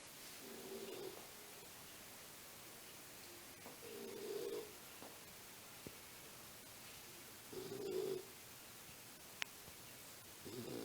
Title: The snoring monster!!